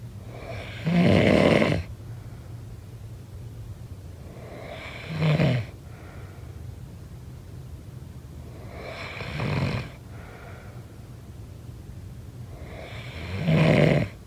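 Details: Snoring sound effect: rough, rattling snores on each breath in, about 17 a minute, with quiet breathing between them; ordinary snoring.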